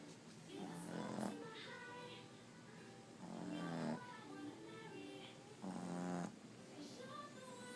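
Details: Sleeping snoring: three buzzing, fluttering snores about every two and a half seconds, roughly 26 breaths a minute, with soft music in the background.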